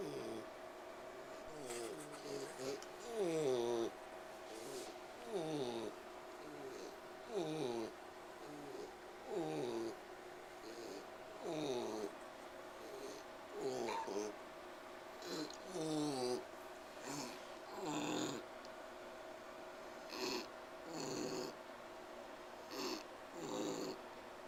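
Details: Pig named Bogey wheezing while resting and trying to sleep: repeated whistling, snore-like breath noises, about 29 a minute.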